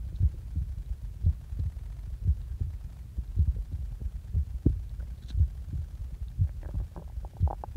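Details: Heart sounds recorded just after waking: low, regular thumps at about 60 beats a minute with a faint background hum.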